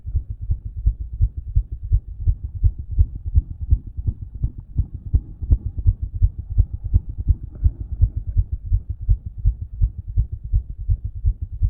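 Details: Self-recorded with own stethoscope after exercise: rapid, regular heartbeat with a louder murmur and a faint extra sound before the first heart sound, suspected S4, which did not get louder with exercise.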